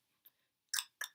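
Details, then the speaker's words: A faint click, then two short, wet smacking mouth sounds from a person with Huntington's disease, described as chorea of the mouth and tongue that a brother notices; involuntary mouth noises (orofacial chorea). "oh and my brother also had said he notices like I make a lot of noise with my mouth and I do notice like even sometimes I'll just like"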